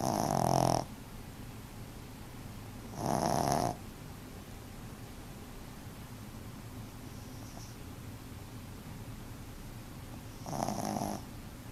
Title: Puppy snoring